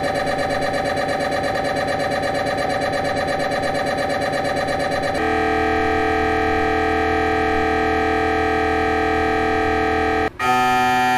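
Loud, rapid mechanical buzzing pulses, then a steady droning hum, with an abrupt switch between sequences; typical MRI scanner noise during imaging.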